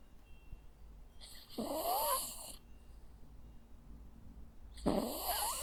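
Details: Sleeping Jack Russell Terrier dog in a quiet room: two loud, rasping snoring breaths; ordinary snoring.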